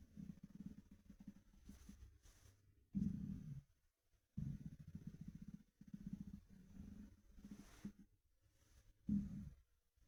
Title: Empty stomach rumbling through my tee shirt